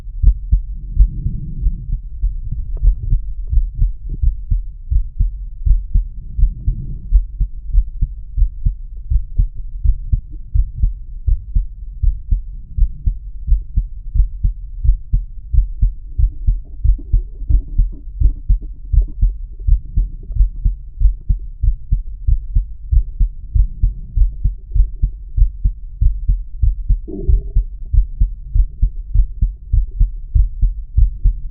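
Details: Male heart auscultated with stethoscope diaphragm at mitral area/apex while lying on his side: steady, regular heartbeat about 92 a minute, clear paired thumps, occasional stomach gurgles; normal heart sounds.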